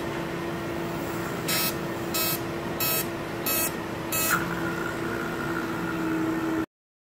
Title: Estrias [Tratamento com Laser de CO2]